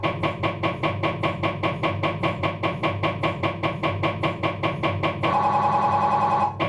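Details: Rapid rhythmic knocking pulses then a loud continuous buzzing tone from a Philips 1.5T MRI scanner during an abdominal scan, diffusion sequence (DIF ax NAV); MRI scanner noise.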